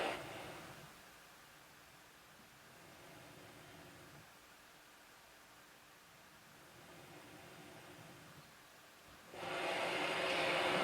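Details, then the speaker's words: SVPAST ResHope auto CPAP sleep apnea machine with humidifier, switched on: soft, steady airflow hiss like faint white noise, with a louder rush of air at the end; CPAP running quietly. "this is not making noise this is very subtly there's a very subtle sound to it that most people will be able to to ignore it's more like white noise"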